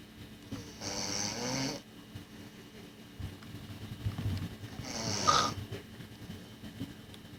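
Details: Two rough, rattling snores on breathing in, several seconds apart, over quiet room noise; ordinary snoring.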